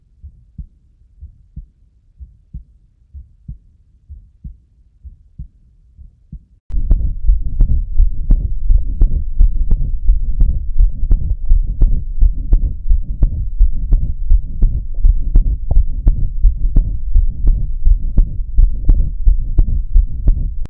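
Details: Diastolic murmur, a pathological sign: regular heartbeat at about 86 a minute, quiet then louder, with a soft murmur in the diastolic filling phase.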